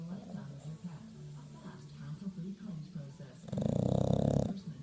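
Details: Bulldog snoring while asleep: low rumbling, growly breathing noise, louder near the end.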